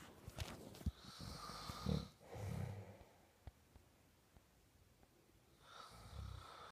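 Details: Husband snoring during sleep: deep rattling snores on inspiration with quiet pauses between breaths, ordinary heavy snoring.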